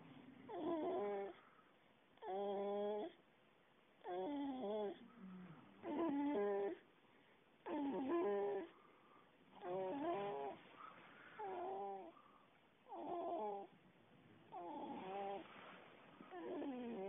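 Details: Rhythmic, vibrating, somewhat whiny snoring breaths, about eight to nine per fifteen seconds, roughly 33 a minute.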